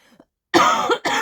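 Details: Adult who has had a hoarse voice for a week: after a brief quiet, two harsh, forceful coughs in quick succession in a small room.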